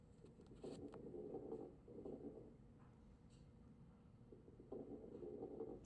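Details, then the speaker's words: Coarse crackles: low-pitched, bubbly popping during breaths with longer duration and high amplitude, from air passing through secretions in the airways. "longer duration, lower pitch, high amplitude."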